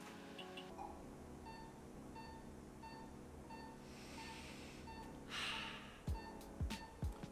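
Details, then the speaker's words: Pulse oximeter: steady, regular beeps at about 90 a minute, tone rate giving heart rate and pitch reflecting oxygen saturation. "as you'll notice this device actually makes sound, and there are two components of the sound that i'm listening for. both of them are extremely important for me as i'm taking care of a patient."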